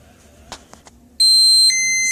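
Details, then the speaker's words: Infinity enteral feeding pump preventive-maintenance test, feeding set held upside down so only air enters the tube: a few soft clicks, then a loud steady high electronic alarm tone shifting pitch; no-food alarm. "Now we are going to do the no food alarm. That means if there is any food in the feeding set or in the tube, it will alarm."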